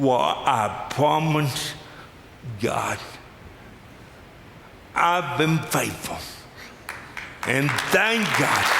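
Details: Adult male with lifelong cerebral palsy; speech described as pretty dramatically affected and possibly difficult to understand at first, with forming words the toughest part for him; dysarthria (cerebral palsy).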